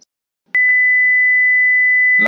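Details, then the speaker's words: Simulated LabVIEW mechanical ventilator with air and oxygen valves at 40 psi, 1000 mL volumes, and inspiratory/expiratory flows of 258/129 mL/s. Pressure too low triggers automatic shutdown: a click, then a steady high-pitched continuous tone, the low-pressure alarm. "la presión es muy baja. El sistema automáticamente se apagará e iniciará la respectiva alarma."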